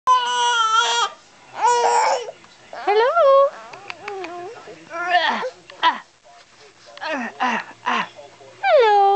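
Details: Infant during tummy time making new sounds, described as panting: high-pitched cries, squeals and grunting vocal sounds in short bursts with brief pauses; ordinary infant crying and vocal play.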